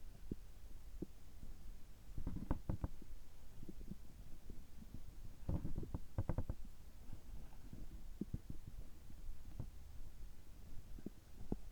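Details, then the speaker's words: Abdominal sounds recorded right after a health-checkup gastroscopy, which found no problems: soft gurgles and brief bursts of clicking rumbles over a quiet background; ordinary stomach and bowel sounds. "先ほど胃カメラを受けてきました。ちょっと声が変ですけども、胃カメラ直後の、えお腹の音、胃の様子を聞いていただければ嬉しいです。"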